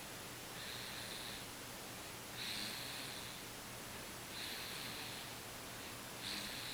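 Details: Sleeping noisily, giving a soft, cute snore.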